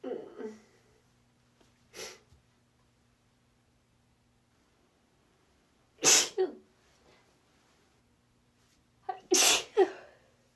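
Repeated sneezes, mostly in quick pairs, each with a sharp burst of air after a brief catch of breath; faint steady room hum.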